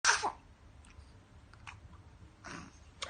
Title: Baby sneeze